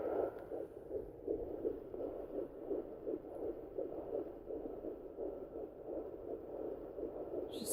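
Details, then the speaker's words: Woman 11 weeks 4 days pregnant, home Sonoline fetal Doppler probe placed low on the abdomen: rapid, regular whooshing fetal heartbeat, about 153–155 beats a minute on the device reading; fetal heartbeat on Doppler. "sometimes it takes me a couple minutes to find the baby's heartbeat and sometimes it doesn't um just bear with me while I do this and I found it already"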